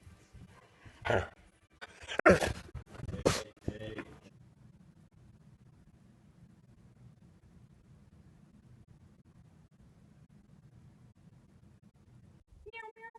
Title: Doberman Shenanigans: Sneezing, A Tongue, and A Big Mess From A Tiny Cracker